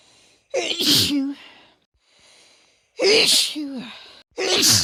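Three separate sneezes, each a quick in-breath and then a loud, hissing burst with a voiced tail; ordinary sneezing.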